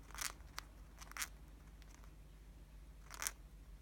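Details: Cockatiel beak grinding: soft, quick crunching and scraping clicks in short bursts, a normal behavior.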